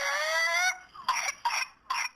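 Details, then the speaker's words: 21-month-old boy in a pertussis coughing fit filmed at home: a high, drawn-out whooping breath in, then three sharp coughs in quick succession; whooping cough diagnosed by a nurse practitioner from the video. "So the next time had a coughing fit, her husband got it on video."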